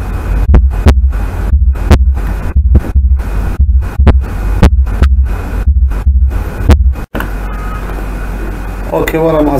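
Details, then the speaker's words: Normal first and second heart sounds in a teaching clip: regular paired low lub-dub sounds at about 60 a minute, with mitral and tricuspid closure merging into a single S1. "خلينا نشوف هذا المقطع حتى قدرنا تاخذ على الفيرست هارت ساوند وحتى كذلك السكند هارت ساوند هنا موجود وياه."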